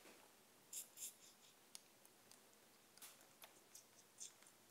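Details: Adult man's clogged ears: forceps grasping hard wax in the ear canal during curettage and irrigation, which caused a bleeding canal abrasion; faint irregular sharp clicks and scratchy crackles over quiet room hiss.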